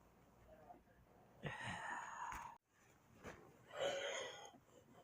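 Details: A person's own sneezes collected over a week: two loud, abrupt bursts of air, each a sharp release after a brief intake; sneezes.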